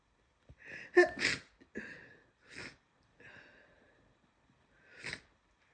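Wet, congested sniffs with a couple of short sneezes between them. Nasal congestion and sneezing, as with a common cold.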